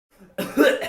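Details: Unusual cough: a faint breathy onset followed by a single abrupt, harsh cough burst with a rough, slightly voiced tail.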